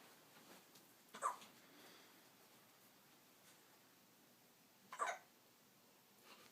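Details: Newborn boy on day 6 of life with hiccups: two brief, sharp catching sounds a few seconds apart against quiet room noise.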